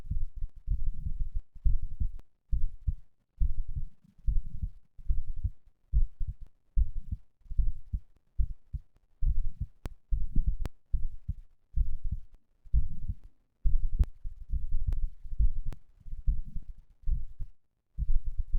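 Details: Heart sounds recorded after exercise (third such recording): strong, regular lub-dub heartbeats at roughly 70 a minute; normal heart sounds after exercise.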